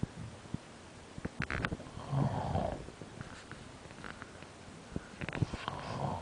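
Low rumbling snore with a gurgling, fluttery quality through inhalation, amid scattered clicks and room noise; ordinary snoring.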